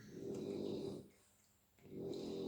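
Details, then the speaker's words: Three French bulldogs asleep at home snoring in the background: soft, low, rattling breaths in and out with short pauses between; dog snoring. "Je suis désolée si vous entendez ronfler derrière. J'ai 3 bulldogs français à la maison. Et ça roupille dur là pour le coup. Donc ça ronfle."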